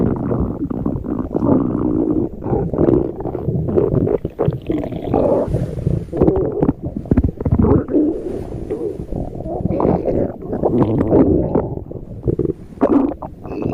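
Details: Cat's stomach growling: continuous low rumbling and gurgling from the belly with irregular surges (borborygmi).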